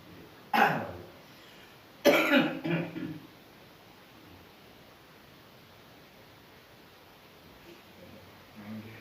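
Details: One single cough then a burst of three coughs from an adult, painful cough; described with a pinched nerve, abdominal pain on coughing and shortness of breath.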